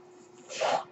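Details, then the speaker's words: The speaker's own mechanical ventilator, noted during a recorded podcast: a faint steady hum, then a brief airy whoosh as it pushes a breath. "That noise you're hearing is my ventilator."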